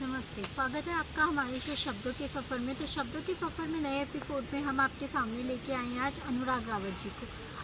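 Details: Adult host; typical speech.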